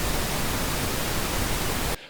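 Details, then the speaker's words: Pink noise used as a hearing-aid tinnitus masker: steady static-like hiss with more energy at lower frequencies than white noise. "जबकि गुलाबी शोर कम आवृत्तियों पर अधिक जोर देता है।"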